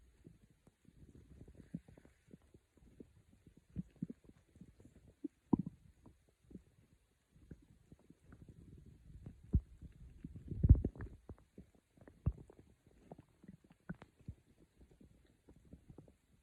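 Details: Quiet stomach growling (borborygmi) recorded by the person themselves for sleep, with scattered low pops, gurgles and soft rumbles and a longer gurgle partway through.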